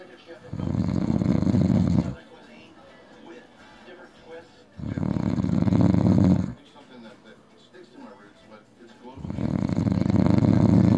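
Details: Adult man passed out drunk: loud, deep rattling snores on each in-breath, about 15 breaths a minute, quiet exhalations between; snoring.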